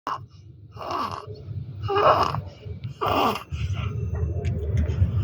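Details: Infant with inspiratory stridor and pectus excavatum: harsh, noisy breaths recurring about once a second, from a narrowed upper airway.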